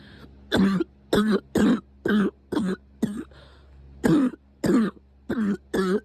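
A run of about ten short, dry, throaty coughs in quick succession, irregularly spaced, over a low background hum.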